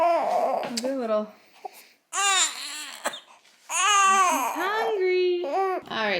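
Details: Two-week-old newborn girl crying: short rising-falling cries with fussing sounds and pauses, described as an ordinary hunger cry.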